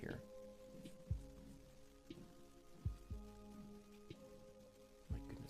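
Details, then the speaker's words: Adult's stomach growling picked up by a microphone right by the stomach, before a snack: low rumbling, humming gurgles with a few soft thuds. "can you hear that that's my stomach I was like I should have had a snack before we begin I apologize the C the the uh microphone is right by my stomach"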